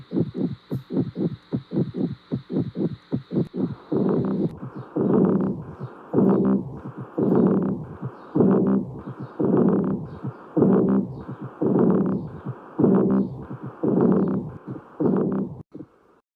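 Stethoscope heart sounds: a quick run of short beats, then slower, longer whooshing beats near 60 a minute.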